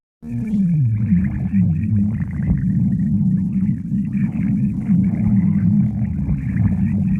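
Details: A girlfriend's stomach growling: continuous low rumbling and gurgling with shifting pitch; normal borborygmi from gas and fluid moving through the gut.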